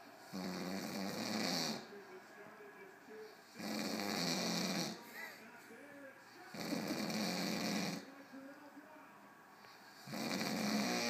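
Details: Person snoring: loud, rough snores on each breath in, about 19 a minute, with quieter breathing out between them; ordinary snoring.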